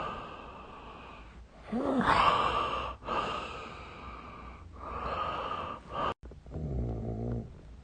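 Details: Sleeping adult snoring: noisy breaths with rough snore-like rattles on some breaths over a steady background hum.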